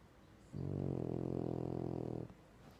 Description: Our sleeping French Bulldog, Clyde, sawing logs.